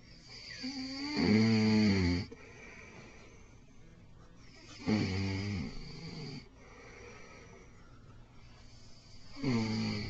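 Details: Adult male step-father asleep after falling asleep watching TV, who denies snoring: three loud rattling inspiratory snores at about 15 breaths a minute with quiet exhalation and faint room noise between; snoring.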